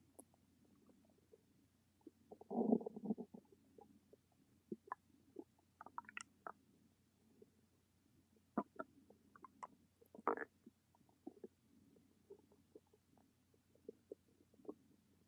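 Irregular soft gurgles, bubbling pops and a few louder rumbles over a low hum: ordinary stomach rumbling.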